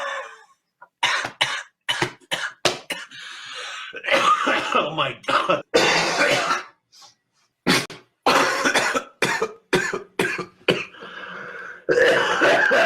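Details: Coughing: many short, harsh coughs in irregular runs, mixed with throat clearing and bits of talk.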